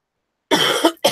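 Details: Dry cough from an adult on the first day of feeling better after an illness who still has a runny nose and thinks the cough comes from the nose running so much.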